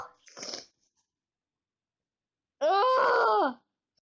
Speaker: Guys, I'm gonna sneeze as quiet as I can. And then as loud as I can.